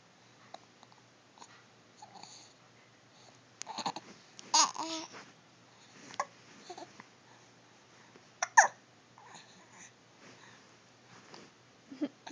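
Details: Infant with hiccups, called squeaky like a toy: soft babbling broken by sudden short squeaky hic sounds at irregular intervals; infant hiccups.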